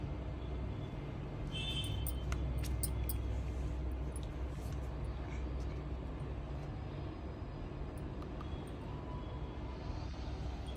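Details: Steady low motor hum of a nebulizer compressor running, shown for use with a baby at home, with faint music and room noise in the background.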